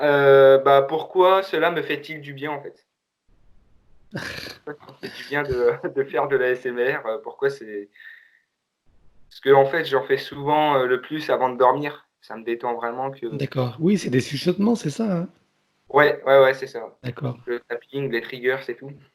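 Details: 17-year-old male who says he often stutters when he speaks; stuttering.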